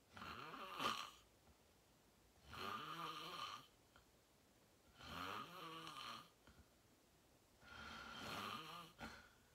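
Loud, rough snoring on each in-breath, four snores in about ten seconds with quiet pauses between, heard from a sleeping adult.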